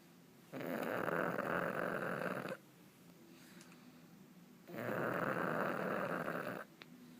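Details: Pug sleeping and snoring oddly: loud, rattling snores on two long breaths with quieter breathing between, from a short-nosed dog; snoring.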